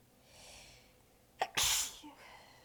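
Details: Held-back, weak sneeze after a short catching inhale, from an exhausted adult with sore abs, biting back sneezes and changing positions, at times lying facedown, in a long, massive sneezing fit.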